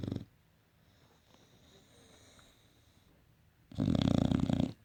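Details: An Olde English Bulldog snoring: after a long quiet pause, a loud, rough, fluttering snore comes as a short burst at the start and then a fuller one near the end.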